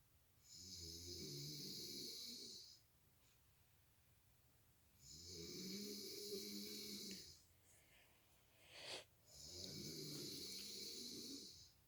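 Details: Man snoring while asleep beside his partner and waking them: loud, rough snores on each breath in, about three cycles over twelve seconds, with a steady high room hiss; snoring.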